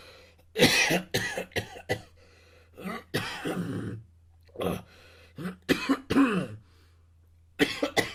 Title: Coughing Sound Effect *10 Minutes*